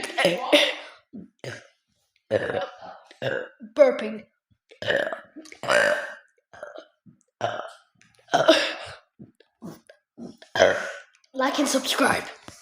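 A long run of repeated loud belches, about fourteen in twelve seconds, with short gaps between them.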